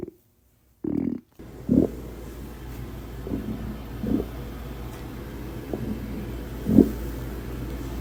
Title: Stomach Growling